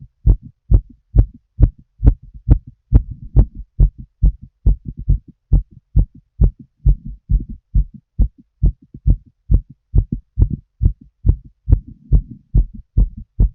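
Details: Heart auscultation by stethoscope of an adult woman while she smokes a cigarette: a steady, rapid heartbeat at about 135 beats a minute, with faint rustling between beats.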